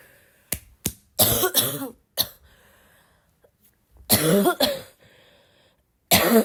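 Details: Girl still sick with a barking cough, coughing a lot in a coughing fit: several harsh, abrupt coughs in short bursts with a throat-clearing quality; cough.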